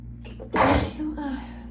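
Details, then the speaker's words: Congested adult, suspected pollen allergy, sneezing repeatedly after getting chilly, sneezes hurting throat: a quick in-breath, then a single loud explosive sneeze with a trailing voiced exhale. "I think I'm gonna sneeze again. Oh, Christ almighty. I am definitely gonna sneeze again."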